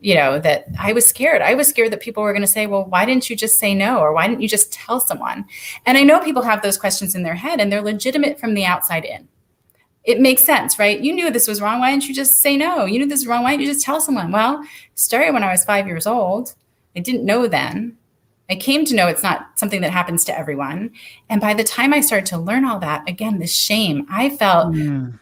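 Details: Adult woman speaking; typical speech.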